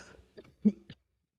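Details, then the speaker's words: Adult man with a cough but no fever or aches, coughing into the mic: a brief run of short, low, wet, viscous coughs; wet productive cough. "I'm gonna go into the mic for this one, just so you can hear how wet and like viscous these coughs are. These coughs are have to be described using like chemical terms almost."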